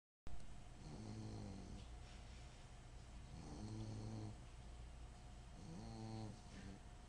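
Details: Snoring from a male sleeping and dreaming: soft, low, buzzing snores with each breath over a steady room hum, about three breaths in seven seconds.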